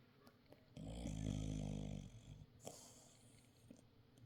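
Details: A sleeper gives a single low, rattling snore on the breath lasting about a second, then quiet breathing; ordinary snoring.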